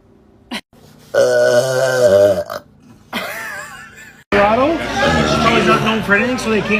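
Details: Adult woman (mom) burping hard, from a compilation: several loud, drawn-out voiced belches, one long and wavering, separated by short pauses; repeated burping.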